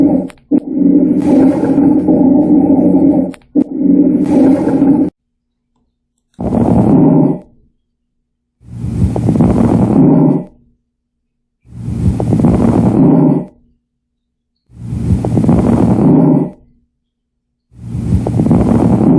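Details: Fine crackles heard through a stethoscope: repeated breaths with brief, fine crackling pops at about 20 breaths a minute.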